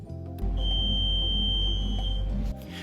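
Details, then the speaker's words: Steady high electronic buzz of about two seconds over low machine hum: the patient squeeze-alarm buzzer during a brain MRI scan, heard in the control room to signal a request to stop the scan. "If at any time during the scan you want it to stop and us to get you out, you can squeeze this buzzer, which will be heard inside the control room."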